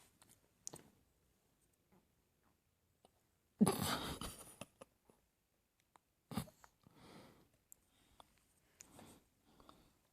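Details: A single loud, explosive sneeze-like burst, then a sharper short burst, amid quiet eating clicks in a small room; sneeze.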